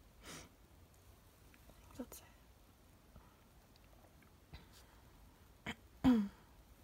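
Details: Allergy sneezes sprayed onto a mirror, part of a 17-sneeze run: a few sharp, explosive sneezes in a quiet room, the last loudest and voiced.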